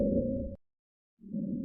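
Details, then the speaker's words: Simulator, stethoscope set at the trachea coordinates: loud, harsh, hollow intense tracheal breathing with a clear pause between phases, tracheal breath sounds. "breathing and then vesicular breathing sounds fine crackle sounds heard at the base of the lung"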